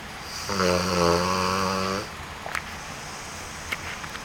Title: Dogbook Movie: Duke snoring